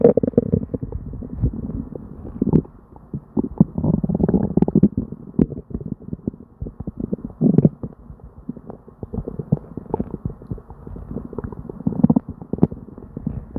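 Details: Upset, non-stop stomach noises in a person with diarrhea: hyperactive bowel sounds (borborygmi).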